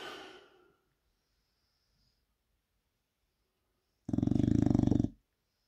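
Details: English bulldog snoring with its eyes open: a single loud, fluttering, rattly snore on breathing in after a long quiet pause; typical flat-faced dog snoring.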